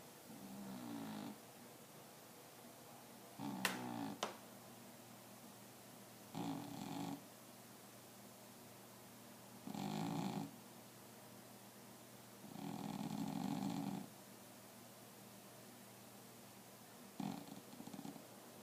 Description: Our cat is snoring from time to time....